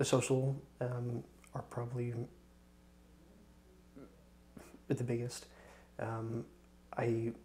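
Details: Male speaker on Day 1 of HCRI stuttering therapy, before treatment, answering which speaking situations are hardest, with pauses and fillers; stuttering.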